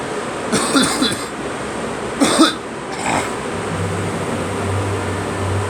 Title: Me coughing